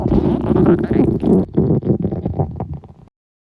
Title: All Four Girl's Stomach Growls at the same time